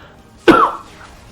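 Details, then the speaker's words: A single short, sharp cough in a quiet room; a French-speaking gamer coughs during a Pokémon playthrough, then apologizes for coughing. "Je tousse. Ah, je pense que vous l'avez vu, du coup, vous avez entendu tousser. Excusez-moi, je tousse."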